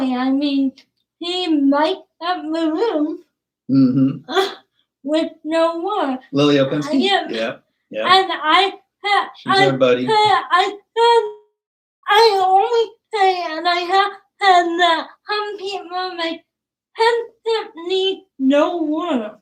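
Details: Dysarthria in a young woman with cerebral palsy; she started talking late, is sometimes hard to understand per her parents, and worked with a speech pathologist on sounds such as plosives.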